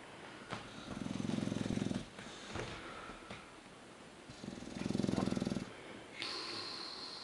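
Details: English bulldog asleep on his back on a couch, a cat curled up beside him: two long, low, vibrating inspiratory snores roughly every four seconds with softer breathing between; snoring.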